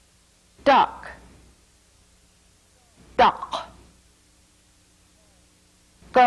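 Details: Speaker producing single-syllable words; pharyngeal stop substitution for /k/ and /g/.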